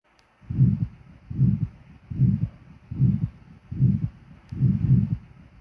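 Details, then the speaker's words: Ejection systolic murmur of aortic stenosis, best heard in the aortic area and radiating to the carotids: regular heartbeat near 75 per minute with a harsh rising-falling murmur filling systole. "on auscultation you will have an ejection systolic murmur which is best heard in aortic area radiating to carotids with same intensity"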